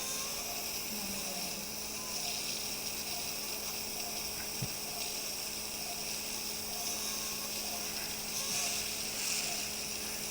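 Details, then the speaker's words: Regular surgical drill system, steady high-pitched whine with faint room noise, doing outer bone work during live stapes surgery for otosclerosis. "So like I said, you don't need the specialized drill system to do this outer bone work."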